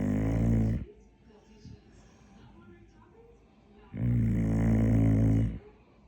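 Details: Sleeping dog snoring at bedtime, with two loud, rumbling snores about three seconds apart and quiet breathing between them; snoring.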